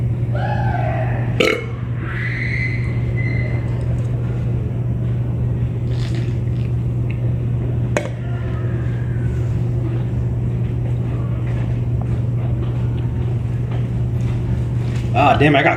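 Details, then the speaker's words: Deliberate, sustained, low guttural belch rumbling through most of the clip, with brief clicks and a short voice sound, made in a solo burping contest involving soda; prolonged burping. "that was my first burp second I gotta give my stomach a little sec to I don't know just digest I guess"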